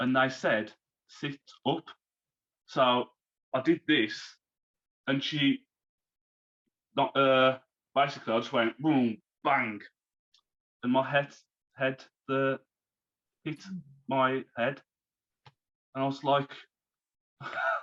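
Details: Man, now 34, who had a stroke at 33 about three months earlier, losing speech, reading and writing; recovering, with speech worse when tired; aphasia after stroke.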